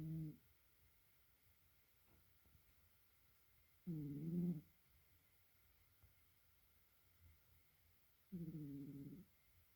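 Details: Sleeping cat in a quiet room, snoring softly at slow intervals, about three snores in ten seconds; ordinary sleep snoring.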